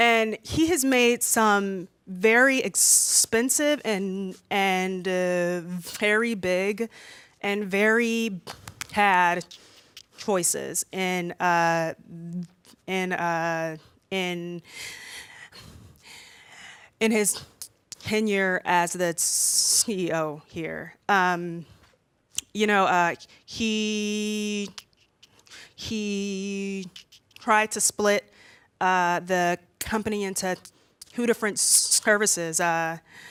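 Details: Stuttering with repetitions heard in a 32-year-old woman who has stuttered since about age three and stutters more when nervous in front of a room.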